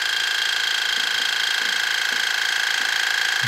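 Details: First irrigation of the right ear with a modified Waterpik for impacted hard earwax, both ears blocked: steady high-pitched hiss with rapid regular pulsing about 200 a minute; patient felt sharp pain.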